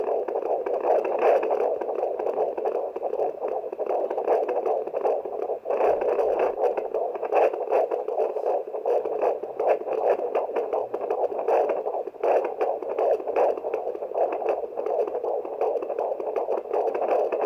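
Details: Fetal heart rate checked with a handheld fetal Doppler: fast, rhythmic whooshing pulses at roughly 155–160 beats a minute: fetal heartbeat.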